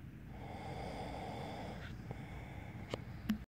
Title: My boyfriend snoring like a Flying Bison from Avatar the last Airbender